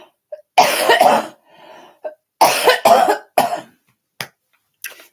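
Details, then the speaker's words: Adult still sick with an illness coughing while talking during a livestream: several harsh coughing bursts with brief throat clearing between them, about five coughs in five seconds. "you know I'm coughing a lot because I like to talk a lot"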